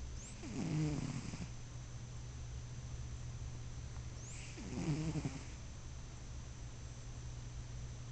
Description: my cat bruschi sleeping. he snores